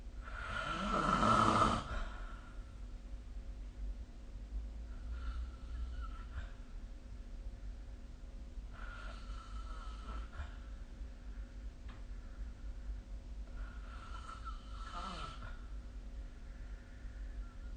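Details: Snoring during sleep, recorded with the SnoreLab app: soft, regular snores, the first louder, then quieter ones about every four to five seconds over a steady background hum.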